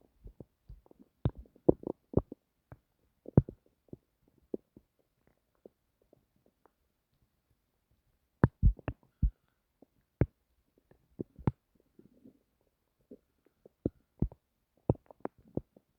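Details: Bowel sounds (borborygmi) self-recorded from the person's own stomach while trying to sleep: irregular low gurgles and brief pops in clusters with pauses between, in a quiet room. This is ordinary stomach rumbling.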